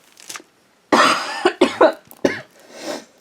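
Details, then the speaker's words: A burst of about four harsh coughs in quick succession from an adult woman ill with a cold. "my body was like, you need to slow down. Excuse me. Ugh. Ugh. Sorry about that."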